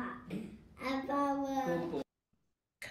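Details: Childhood apraxia of speech of unknown cause, no specific genetic condition identified, in a relatively verbal young man; three quite different productions of one word; childhood apraxia of speech, inconsistent word productions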